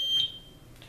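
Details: Single short high-pitched electronic beep from an Aitecs 12S Pro syringe pump confirming a key press while being set up for propofol anesthesia infusion.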